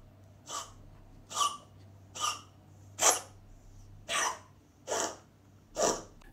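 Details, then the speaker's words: Cat crouching with neck extended, struggling to breathe, often with abdominal contractions, gives seven short, dry, hacking coughs in a row: a classic feline asthma attack. "a couple features our cat is crouching making a coughing sound the neck is extended because they're struggling to breathe and often there are abdominal contractions this is a classic cat asthma attack"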